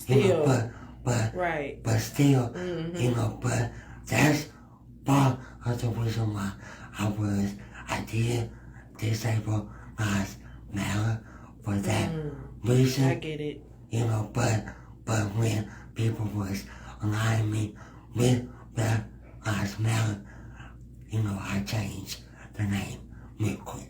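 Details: Speech impediment in a male adult podcast guest who works in disability awareness.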